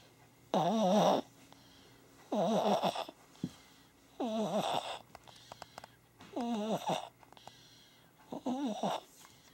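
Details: Five wavering, whistling, musical snores from a sleeping baby, about 33 a minute, separated by quiet pauses; tonal snoring.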